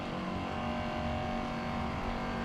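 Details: Steady motor hum with buzzing drone from a percussion massage gun working on the outside of the lower leg, releasing tight calf and foot tissue.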